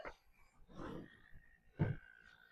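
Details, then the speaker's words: Rhythm Healthcare P2-E6 portable oxygen concentrator, pulse settings 1 to 6, producing about 1.2 litres of oxygen per minute: soft puffs of air about once a second; pulse-dose oxygen delivery. "Again, it's a pulse from one to six."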